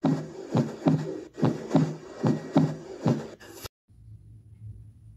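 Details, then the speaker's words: Teaching demonstration of the normal first heart sound (S1, 'lub'): regular heart sounds at about 70 beats a minute. "तो, आप सबसे पहले आप love sound को सुनिए। यह S1 साउंड को सुनिए। कैसे सुनाई देता है।"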